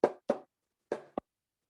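Two paired knocking beats, lub then dub, with clean silence between, the normal heart sounds.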